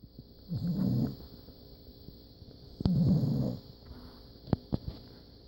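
Two soft, low, fluttering snores about two seconds apart, with a steady background hum; gentle snoring from a sleeping puppy.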